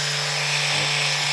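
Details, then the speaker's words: Steady high-pitched buzzing whine of a percussion therapy device on its very high speed setting, used on the outside of the curve in scoliosis treatment. "this is another form of cussion therapy that we use this is um we call this very high speed and you can hear the frequency of this when I turn it"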